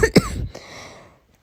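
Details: A single acted sneeze from a simulated sick person who complains of a sore throat, blocked nose, headache and nonstop coughing: a brief voiced burst followed by a breathy, fading release.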